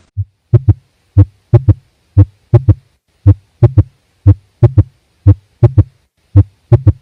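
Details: Clear, regular paired lub-dub heart sounds with silent gaps, about 57 beats a minute.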